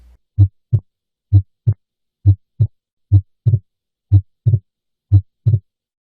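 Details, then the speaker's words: Regular heart sounds near 60 a minute: S2 is single during exhalation for the first three beats, then splits during inspiration; normal physiologic splitting of S2. "the first three beats are during exhalation when S2 is single and then the Beats after that are during inspiration when S2 splits"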